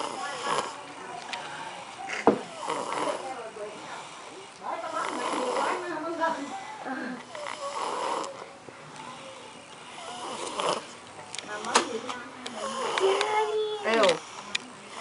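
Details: Child snoring: rough, rattling breathing noises recurring through the clip, with some background sounds.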